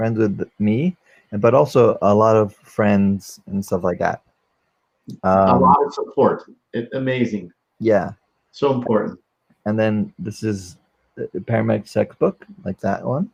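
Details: 44-year-old man, a former paramedic, with aphasia from a stroke during valve surgery; he cannot use one arm; post-stroke aphasia.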